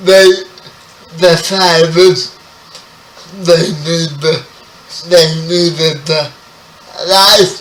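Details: 30-year-old man with spastic quadriplegic cerebral palsy, born 11 weeks premature; speech affected by the condition; dysarthria.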